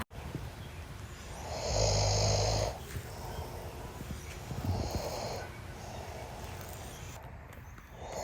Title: Cant sleep at night because…. Snoring husband #cantsleep #snoring #lol #funny #sleepy #snoringhusbae